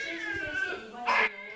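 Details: Newborn cry played in a museum recreating a 1960s–70s obstetrics clinic: a high-pitched, wavering cry with a sharp louder burst near the end, faint background room noise.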